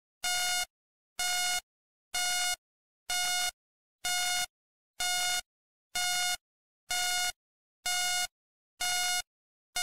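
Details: Hospital ambience sleep sound: steady, evenly spaced electronic beeps, about 63 a minute, from a bedside patient monitor.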